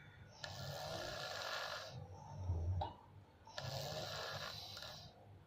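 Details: Ordinary snoring during sleep: loud, rough snores on each breath in, with a quieter breath out between them.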